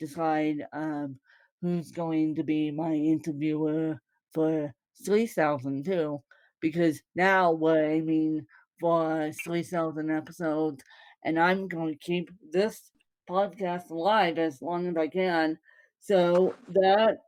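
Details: Mild dysarthria in a woman born with cerebral palsy (congenital); no speech disorder is named by the source.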